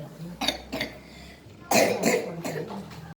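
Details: Chronic long-standing cough in a young boy: a series of about six short, harsh coughs.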